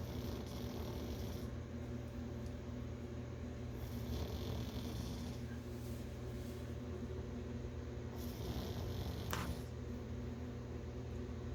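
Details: Soft, steady, low rumbling breaths with faint snorting noises from a sleeping puppy: ordinary snoring during a nap.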